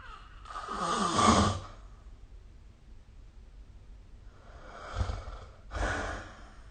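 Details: Snoring during sleep recorded with the SnoreLab app: noisy, rough breaths, one long rattling snore then two shorter ones with quiet between.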